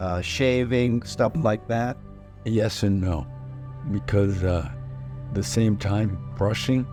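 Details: Person with aphasia after a stroke, in recovery with physical therapy; aphasia.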